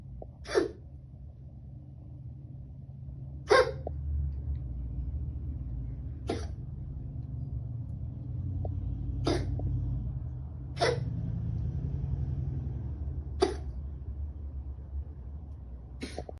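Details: Animal with chylothorax having trouble breathing, then seven brief, sharp cough bursts spaced a few seconds apart; cough.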